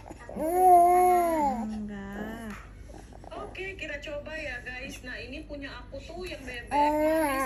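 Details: Infant with cough and cold gives loud, wailing cries that fade to fussy whimpers and rise again while being given a massage, in a small room; infant crying.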